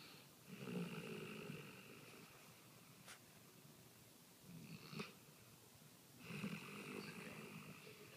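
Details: Rocky snoring while asleep; soft, rough snoring with each breath, three snores with faint snorting in between; ordinary snoring.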